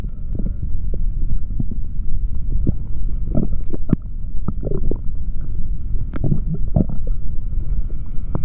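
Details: Low gurgling and rumbling over a steady hum with scattered short pops: a man's stomach growling after drinking a chocolate protein shake, recorded with a stethoscope.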